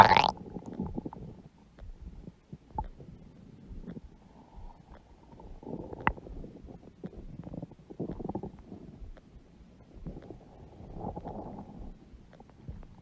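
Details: Soft, irregular gurgling and rumbling from a large belly with brief louder squeaks; normal bowel sounds (borborygmi).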